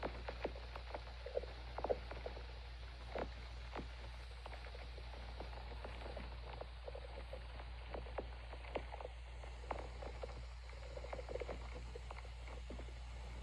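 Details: Quiet, irregular gurgles and soft clicks from an adult's stomach over a steady low hum: ordinary bowel sounds, stomach growling.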